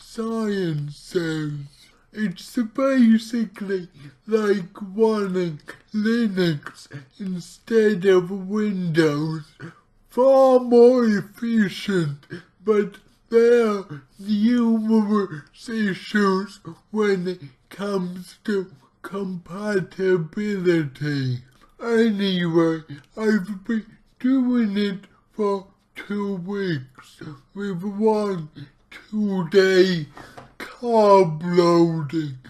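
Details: Dysarthria from his own cerebral palsy, in a man trying a keto diet; heavily distorted speech.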